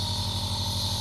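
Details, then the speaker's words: Yuwell compressor nebulizer, filled with Pentolin for cough/asthma, just switched on: steady loud mechanical hum with fast pulsing buzz of the compressor running. "kemudian colokkan kompresornya listrik kemudian kita push tombol"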